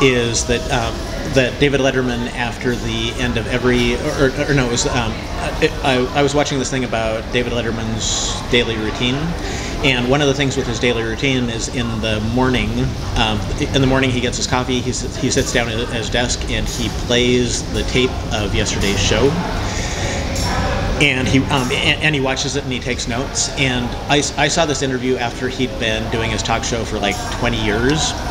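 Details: Cluttering in an adult male who was unaware of any speech problem until age 27 and uses self-monitoring as a management technique; typical disfluencies are repeated words and phrases, interjections, revisions and compressed words; cluttering.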